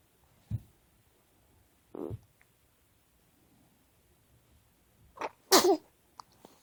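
Quiet room with a few soft noises, then a sharp intake and one loud explosive sneeze: a single ordinary sneeze.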